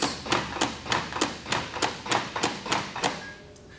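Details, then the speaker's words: Automated mechanical CPR chest compressions from a LUCAS 2 device, its piston lowered over the lower half of the breastbone: regular mechanical thumps about 100 per minute, ten in a row. "lower the Piston down over the bottom half of the breastbone once it's in place you'll press the play button foreign"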